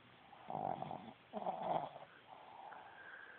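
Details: Sleeping Boston Terrier, a short-snouted dog, snoring loudly: two loud, rattling snores in quick succession.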